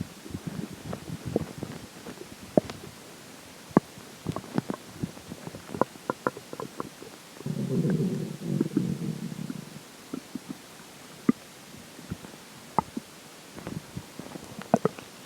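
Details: Frequent gurgles and pops with a longer rumbling growl midway during the stretch where swallowed water and air take effect; active bowel sounds during digestion.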